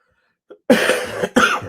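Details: A short sniff, then two harsh cough bursts with throat clearing in a quiet room during a live-streamed fitness Q&A; the speaker says "excuse me" afterwards.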